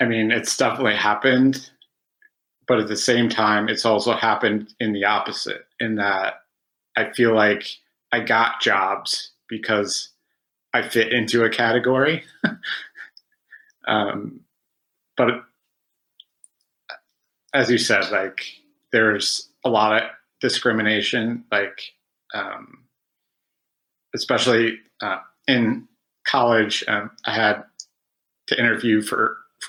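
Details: Adult man who has stuttered since about age five, with about 20 years of speech therapy; real stuttering.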